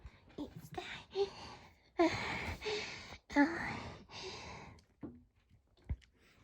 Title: Tired Moan and Pain Moan with 1 sneeze (allergic to dusts)